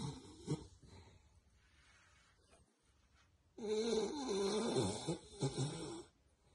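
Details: Rocket, a male Beagle, snoring while asleep: loud, rough, rattling snore lasting a few seconds with wavering pitch after quieter breathing; owner calls it the loudest snoring, like an earthquake.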